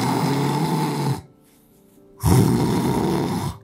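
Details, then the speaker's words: Imitated snoring demonstrating obstructive sleep apnea, with tongue and jaw falling back during sleep so the airway closes: loud, rough snoring, a pause of about a second, then a noisy restart as the airway reopens. "자 잠을 잘 때 혀가 이렇게 늘어져 버리기 때문에 기도가 이렇게 막힙니다 여기 보시면 기도가 막히죠 이렇게 그래서 숨소리가"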